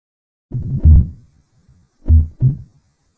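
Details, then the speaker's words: Mitral stenosis heart sounds, playback slowed four times: low booming sounds with a very loud first heart sound, an opening snap right after the second sound, then a low diastolic rumble. "روب ده ايه ده صوت اس اكس عالي جدا وبعد كده وراها على طول الوت اللي انت بتسمعه ده متطا اربع مرات علشان تقدر تفهم"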